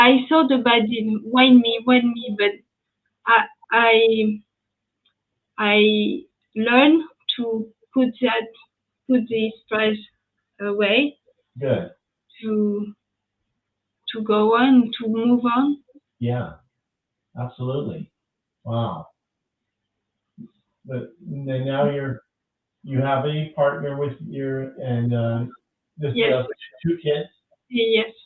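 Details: French woman with lasting language difficulty after an ischemic stroke at age 22 in July 2011, followed by 10 days of mutism and a year of rehabilitation; post-stroke aphasia.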